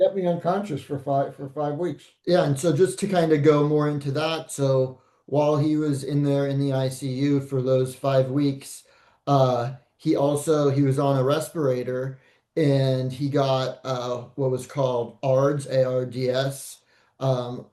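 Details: Adult man speaking; no disorder.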